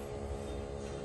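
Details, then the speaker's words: Steady low motor hum of a used automatic upper-arm blood pressure monitor pumping up the arm cuff on a seated person, whose posture is said to be not fully correct; cuff inflating. "đang bơm nhá Đấy đang bơm đấy"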